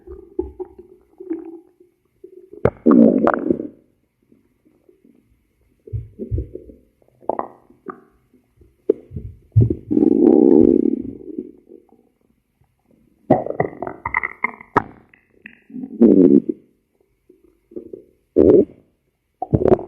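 Loud gurgles, squeaks and watery pops in irregular bursts with quiet gaps: ordinary stomach growling.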